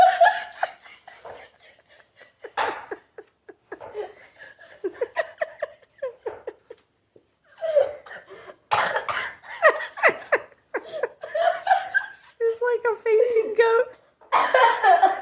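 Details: Wheezy laugh while sick: bursts of laughter ending in a thin, squeaky, whistling tone.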